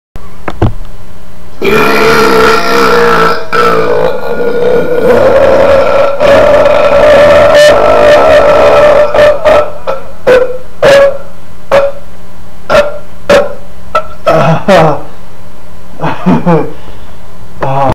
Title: Longest Monster Burp Ever